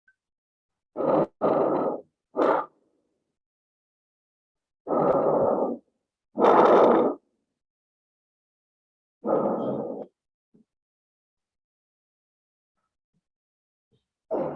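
Loud, coarse, snore-like rattling bursts with breaths, separated by silent gaps: a tracheal rattle from secretions pooled in the large airways.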